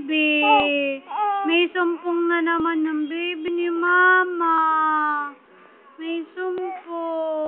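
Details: Infant crying: repeated high-pitched tonal wails with brief pauses over faint background music, while the baby is fussy and wants to be bathed.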